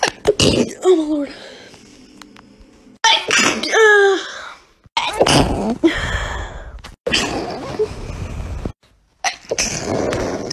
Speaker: here is me sneezing enjoy